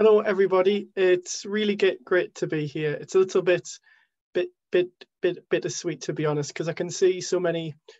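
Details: Stammering in an adult man, with word and part-word repetitions.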